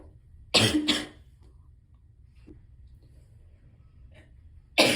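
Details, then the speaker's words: Adult with narcolepsy on day 2 of a cold, sniffling and sneezing, recorded in a quiet library study room: two quick harsh cough bursts, faint sniffing, then the start of another cough. "But then I got here, and between the sniffling and the throat clearing and the coughing and the sneezing and all that, and I was trying to stay quiet."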